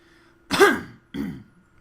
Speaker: i'm sorry my throat's a bit dry that's why you'll hear me coughing to this video